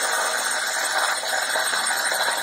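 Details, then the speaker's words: Small powered diamond-tipped dental instrument used after tooth extraction to clean remaining periodontal ligaments from the socket: continuous rough buzzing. "diamond tipped instrument and i'm trying to clean up all the excess ligaments remember i talked about all those ligaments they can retain infection"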